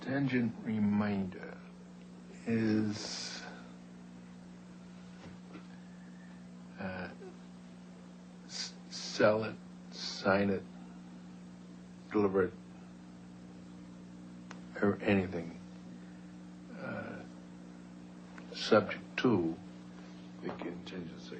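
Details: Man who had a stroke at age 45 from a blood clot, affecting both comprehension and expression; slow, hard to get going, long word-finding delays, spontaneous grammar seemingly intact; typical of Broca's area damage; Broca's aphasia (nonfluent, effortful speech).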